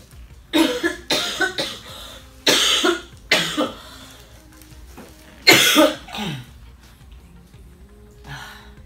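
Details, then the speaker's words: Adult with nightly cough attacks and sleeplessness, examined by a doctor as healthy and prescribed a codeine cough medicine: bouts of about eight harsh, dry coughs in short clusters with throat clearing, a chronic cough. "it's supposed to make my brain think that I can't cough or I don't need to cough but technically I do"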